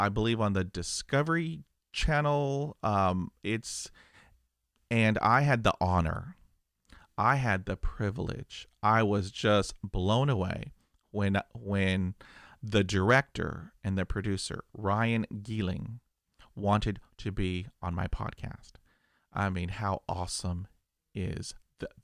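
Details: 50-year-old man who has stuttered for 45 years and had 20 years of speech therapy; describes blocks with eyes closing and arm movements while pushing through; stuttering.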